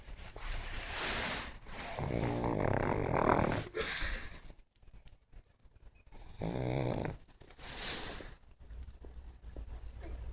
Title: Pug Snore